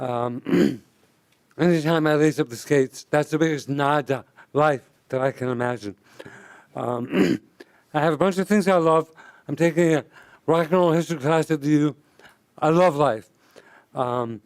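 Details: Adult man speaking; dysarthria (bulbar ALS).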